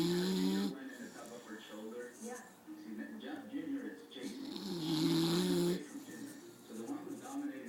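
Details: Tired dog, too sleepy to get off the chair, snoring: two drawn-out, buzzing snores with a television playing in the background.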